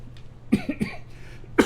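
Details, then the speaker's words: Adult with asthma flared by a month of high pollen, not otherwise ill, coughing while talking: three or four short dry cough bursts close together. "And by the way, I'm having asthma problems we've had a month straight of pure high and very high pollen rates here, and it's caused me to have some asthma. So that's why I'm coughing."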